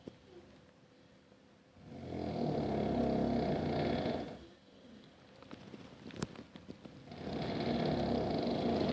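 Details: Adult man (husband) snoring loudly at bedtime: long, loud rumbling snores on two in-breaths, separated by quiet exhalations; heavy snoring.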